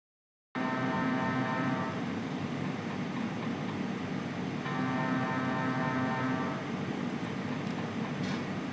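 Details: Steady loud mechanical drone with repeating buzzing tones during a scan; ordinary MRI scanner operating noise.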